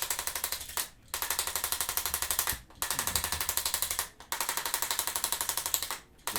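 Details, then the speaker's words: Handheld arthrostim chiropractic adjusting instrument delivering rapid sharp mechanical tapping, about four bursts a second in runs with brief pauses, on the lateral leg and calf of a runner with ankle pain who is preparing for a half marathon; tenderness expected. "we're going to use the little gun it's going to get a little loud"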